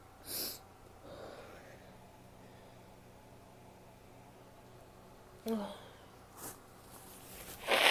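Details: Woman sneezing: a sharp sneeze, then a few short aborted breaths and a later burst, ending in a loud nose blow; ordinary sneezing with false starts.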